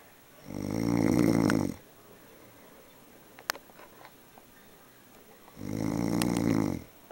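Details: Typical snoring: two loud, rough, rattling inspiratory snores about five seconds apart, with quiet exhalation between.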